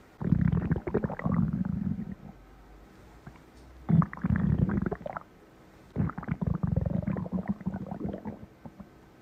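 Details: Stomach growling; three bouts of low, bubbling rumbles from the belly with quiet gaps between them.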